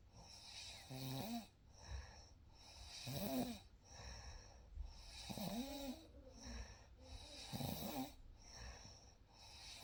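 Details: Real night sleep recording: gentle snoring at about 28 a minute as soft rattling breaths under steady room noise.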